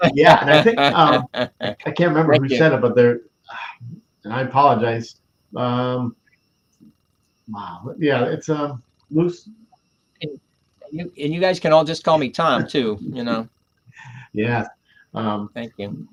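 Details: Adult man with aphasia after three strokes, the first on September 26, 2011. He initially could not read, write or speak well, and his grammar and syntax were damaged. He had seven months of speech therapy plus an aphasia group, and his speech greatly improved over ten years. Aphasia.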